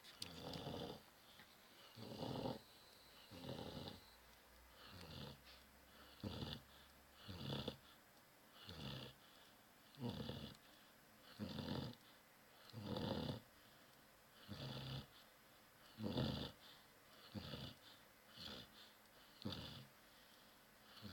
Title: Brewster snoring